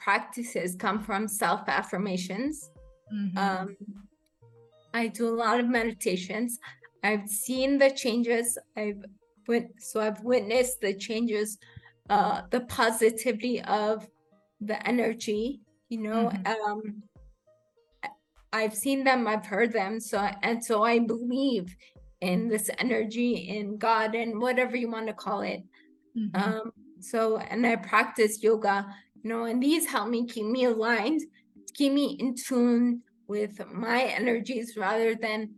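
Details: Adult woman with rare degenerative cerebellar ataxia of unknown cause; slurred speech began in her early teens; speech therapy has helped; slurring worsens with fatigue or emotion; ataxic dysarthria.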